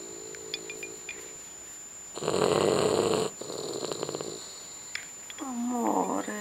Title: snores